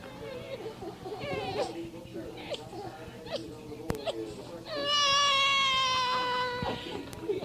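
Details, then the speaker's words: Six-week-old infant crying: short whimpering fussy bursts, then one long, loud, high-pitched cry. ">> you want to hear the six week old baby cry?"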